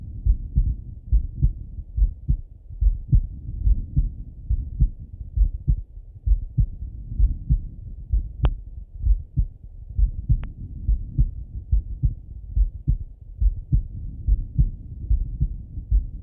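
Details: Male heart auscultation through a stethoscope, recorded either sitting at a desk or lying in bed: steady lub-dub at about 70 beats a minute, regular rhythm, two brief clicks; normal heart sounds.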